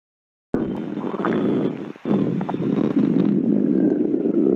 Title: stomach growling 10 MINUTES Compilation